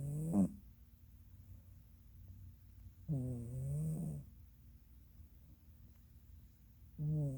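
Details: A female Norwegian Forest Cat snoring during a catnap: about three low, rattling snores at roughly 17 a minute, with quiet pauses between; ordinary harmless snoring.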